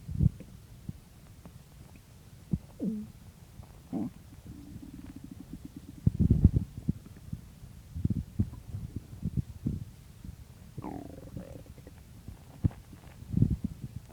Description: In this video, pretty much what the title says, I woke up and my stomach was noisy so I started recording it.